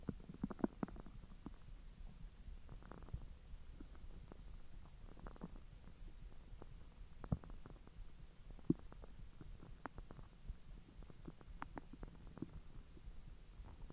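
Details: Bowel sounds (borborygmi) after eating hotdogs following a 10-hour empty stomach: faint low gurgles and irregular soft pops; ordinary digestion.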